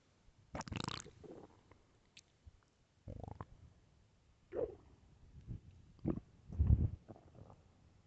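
Quiet low rumbles and bubbling gurgles in bursts: stomach growling, a normal sound of gut movement.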